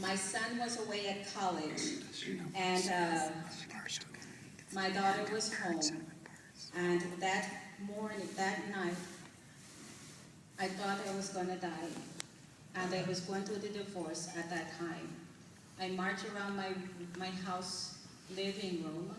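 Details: Woman whose speech changed suddenly after a night-time episode in November 2004 that felt like a heart attack or stroke; no diagnosis found; six months of speech therapy; slow speech, right-sided weakness, cognitive impairment; reading aloud; foreign accent syndrome.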